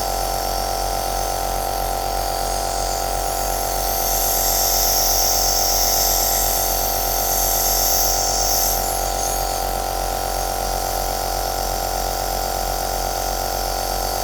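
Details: Aerosol nebulizer machine running, recorded as white noise for sleep: a steady mechanical hum with hissing airflow, without a break.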